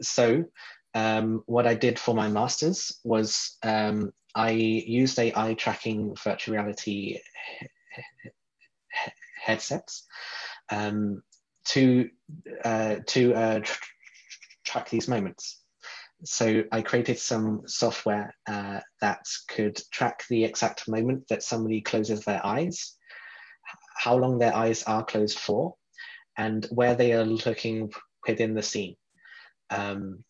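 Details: Adult man who describes himself as a person who stutters; stuttering.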